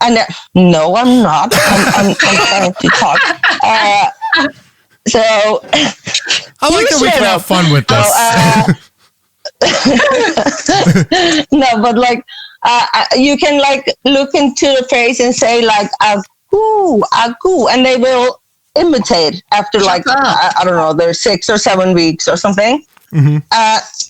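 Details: Man with Tourette syndrome whose tics include palilalia (repeating words or syllables), which has increased over the past couple of years, plus echolalia and squeaking; finding: Tourette syndrome with palilalia.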